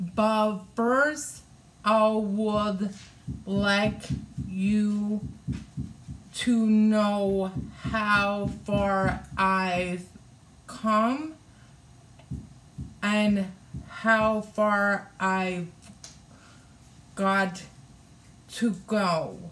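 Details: Adult woman with aphasia after a hemorrhagic stroke on May 19, 2020, requiring brain surgery and ICU care, with right-sided hemiparesis; the aphasia also affects reading and writing; aphasia.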